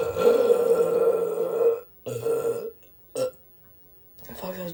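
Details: Women burping: three loud voiced belches, one long and two shorter, with a brief vocal sound after; ordinary burping.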